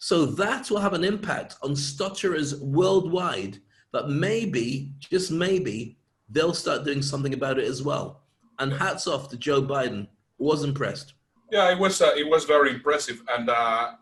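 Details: Adult male speaker; normal fluent speech.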